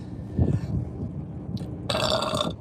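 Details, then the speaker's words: Deep, uncontrollable burping: low, deep rumbling belches over steady background noise, followed by a brief music sting. "oh excuse me excuse me I have a burp already wow that's"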